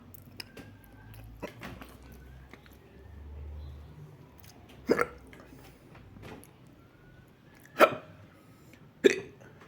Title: More hiccup